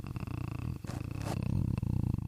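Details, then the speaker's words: A man imitates a cat's purr ("golgolgol") with a steady, low, rattling throat rumble, done slowly like a phlegm-gurgling sound; human imitation of cat purring. "제가 먼저 얼굴을 파묻고 골골골 소리를 내 줘요네"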